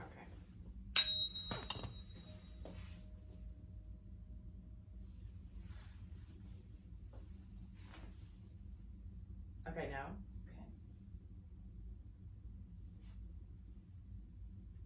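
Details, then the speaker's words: Rinne hearing test: struck tuning fork rings with clear, steady fading tone, placed behind the ear on the mastoid bone for bone conduction, then in front for air conduction; air conduction twice as long as bone conduction, normal finding. "i'm gonna place this at the back of your ear you're gonna tell me when you're no longer able to hear the ringing vibration okay"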